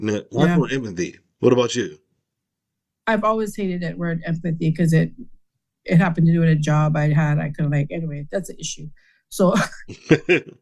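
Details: Adult man with aphasia after a stroke, with word-finding difficulty and trouble producing words; aphasia.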